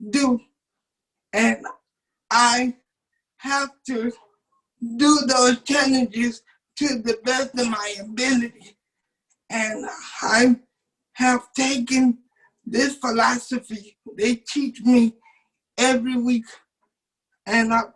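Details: 27-year-old man with cerebral palsy since birth, wheelchair user, whose muscles do not work like others'; doctors told his family he would never talk; speech in cerebral palsy (dysarthria).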